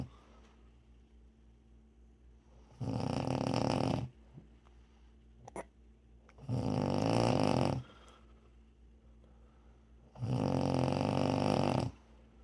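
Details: Loud, harsh, rattling snores from a sleeping wife on each breath in, three in the clip at about 16 breaths a minute, with quiet pauses between; snoring.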